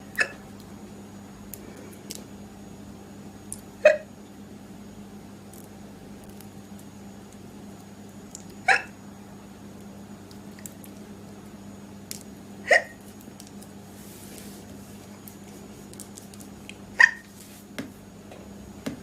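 Five sharp, brief hiccups at regular intervals, about fifteen a minute, over a low room hum; hiccups.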